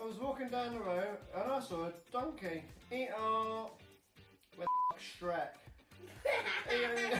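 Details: Vocal tics and interjections in a man with Tourette syndrome.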